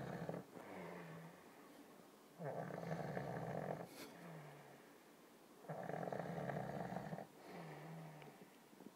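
Loud rasping snores on each breath in, with a softer hum on the breath out, about 18 breaths a minute: snoring.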